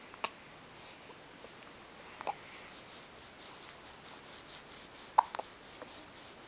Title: December 07 hiccup 2.AVI